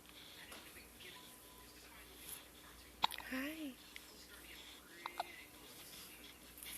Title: Hiccups today :(